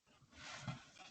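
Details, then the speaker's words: A sleeping pet dog gives a brief, low, rumbling breath over faint room hiss, heard in the background of a podcast recording: ordinary dog snoring. "my dogs are snoring it sounds like the name barracks right now so just so you know that's what that noise is"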